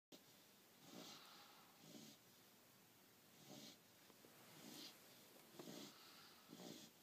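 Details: Dog out cold asleep on a pillow: soft, rhythmic snorting breaths repeating roughly every second, a noisy, airy snore; snoring.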